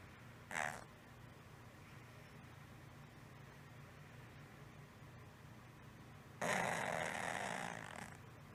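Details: Stertor in a 6-year-old female cat for 1 month: snorting then harsh rattling snore-like breath, late inspiration, mostly at rest or asleep, from throat area; frequent mouth breathing; normal energy and appetite; no improvement after 3 weeks of antibiotics.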